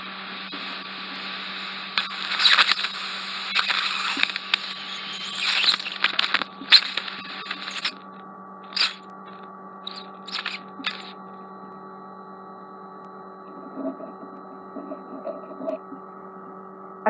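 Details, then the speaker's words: Ear wax microsuction of left ear, wax impacted onto the eardrum by cotton bud use: steady suction hiss broken by loud slurping and crackling bursts as wax is drawn off, then quieter hum with small pops. "They'd been using a cotton bud in their left ear and impacted some earwax directly onto the eardrum. It's going to be a bit noisy, as I said."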